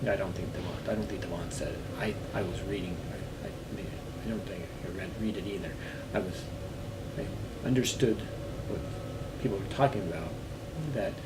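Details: Man recovering from global aphasia; aphasia (fragmented speech with word-finding difficulty).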